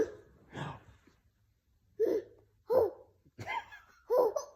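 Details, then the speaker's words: A young child with hiccups being taught to hold her breath to stop them: short, sharp voiced catches about every second, mixed with giggling. "you got the hiccups"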